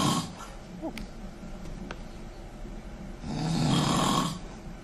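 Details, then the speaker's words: Loud snoring from an adult man sleeping in a hospital during his wife's labor: a rough, rattling snore on the in-breath after a quieter pause, described as a double snore. "a double snore [Laughter] oh dude yeah no i'm cursing you out over that yeah al better or worse than what you experienced sounds pretty equal yeah eddie you got one of yours ready to go there it's a lawnmower"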